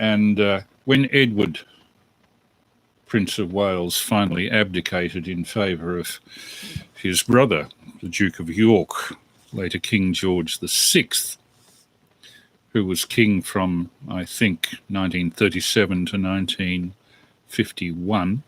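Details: Adult male speaker; normal speech.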